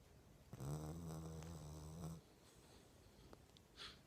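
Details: Female dog snoring in her sleep: one drawn-out, low, buzzing snore followed by quiet breathing.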